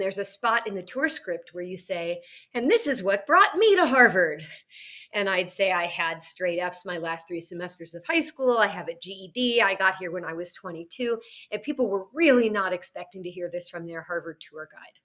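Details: Adult woman speaking; normal voice.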